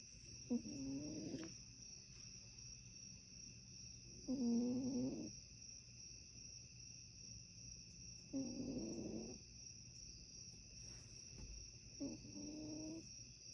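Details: Snoring from a cat named Bleu: four soft, rattling snore bursts at about 15 breaths a minute over steady insect-like background tones.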